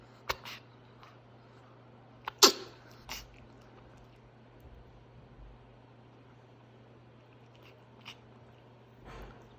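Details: Pet ferret coughing for a few days, worse today despite ferret laxative, hacking after being picked up from a nightmare: several short, sharp hacking bursts over a low room hum; later diagnosed with severe respiratory infection and rare autoimmune disorder.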